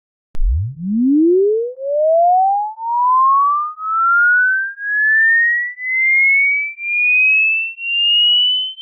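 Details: Pure tone sweeping steadily from a deep hum up to a high pitch, used as a simple hearing-range test to check how old your ears are; hearing test tone sweep.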